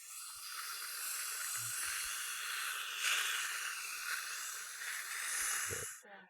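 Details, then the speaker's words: Steady loud hiss of a dental air-water syringe rinsing etchant containing aluminum oxalate off the cuspid and bicuspid, with faint suction noise, during Lumineers veneer bonding on a young woman. "the aluminum oxalate will seal the dentinal tubules and help prevent sensitivity now we'll wash these off"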